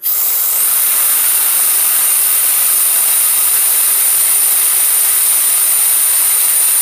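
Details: Home liquid oxygen demonstration fill: steady loud gas hiss as a portable canister fills from its base unit (C41/C1000) while the open tab is held; normal venting sound during filling.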